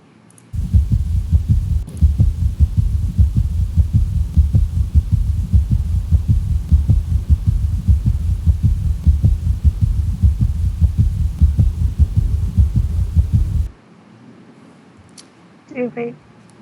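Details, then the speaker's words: Heart failure patient: regular low heartbeats with an extra soft, low-pitched sound described as falling between S1 and S2, giving a "Ken-tuck-y" rhythm: third heart sound (S3 gallop). "आपने एक extra heart sound सुनी जो soft थी, लो pitched थी, और वो S1 और S2 के दरमियान थी"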